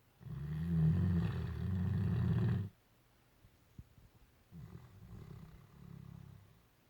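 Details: Great Dane snoring while sleeping and dreaming: a loud, low rumbling snore on the in-breath, then quieter, softer snoring after a pause; ordinary snoring.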